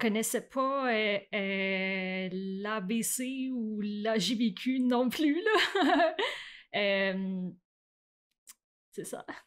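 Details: Adult woman who stutters, with onset around age 7 or 8; stuttering.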